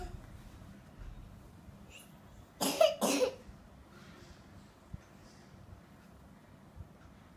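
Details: Two short harsh coughs from a child in a quiet indoor room; the child also has a runny nose and is being taken to see a doctor.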